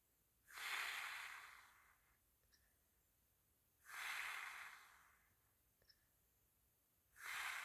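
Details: Sleeping person snoring: slow regular breaths about 18 a minute, each a harsh hissing snore fading out, with quiet pauses between.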